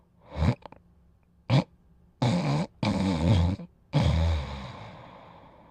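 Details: Sleeping dog snoring: low, rattling, growly breathing sounds in irregular bursts, some longer and rumbling.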